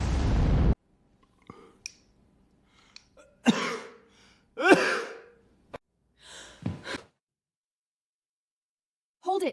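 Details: AI-generated sneeze for a short animation of a KPop Demon Hunters character: a sharp, explosive sneeze among short breathy sounds, not a real person.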